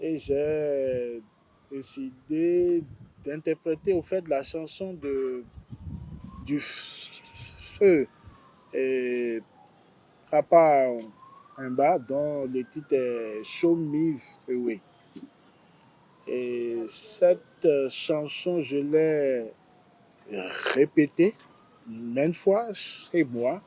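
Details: Stuttering in a 43-year-old man who has stuttered since age 4.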